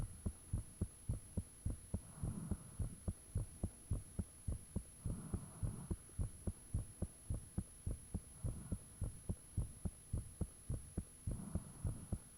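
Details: Recording of one's own heartbeat with the fan off, made shortly after the heart began feeling unusually thumpy: loud steady thumps at about 105 bpm, faint whooshing in places, thin hum; valve and blood-rush sounds reportedly audible.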